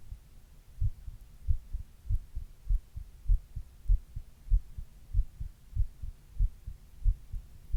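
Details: Adult's own heartbeat recorded while quietly reading, in a 28-minute session that included a 102°F fever in its middle third: regular low muffled thumps at about 97 per minute, no talking; normal heart sounds.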